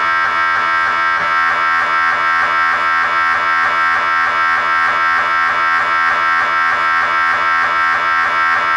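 Loud, steady buzzing drone with a regular rhythmic pulsing about once a second, typical of an MRI scanner running an imaging sequence.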